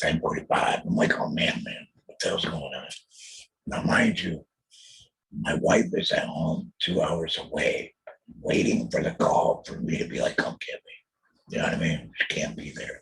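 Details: Alaryngeal speech of an adult male throat cancer survivor after total laryngectomy in 2020, followed by chemotherapy and radiation.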